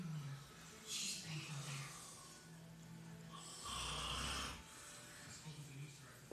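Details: Adult man recorded asleep at night: loud, rough snoring with low rattling rumbles on the in-breaths and quieter breathing between them.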